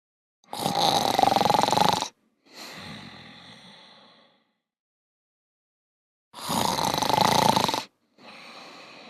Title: Sleepy robots snoring (pj masks)